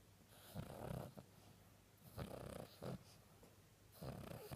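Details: A sleeping small dog ("Chi") dreaming and flinching while snoring loudly, with snorting snores, uneven breaths and brief catches.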